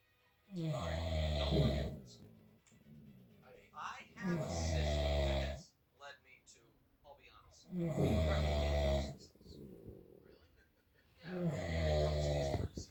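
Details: Adult husband asleep: loud, low, rattling snores on each breath in, about 17 a minute, with quieter breathing between; heavy snoring.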